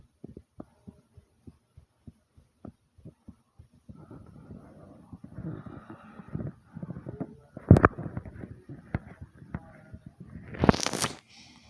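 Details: Person's own heartbeat recording that starts slow and thumpy and speeds up to fast and loud; quick regular heart thumps, then gurgling stomach noises and rustling partly masking the beat.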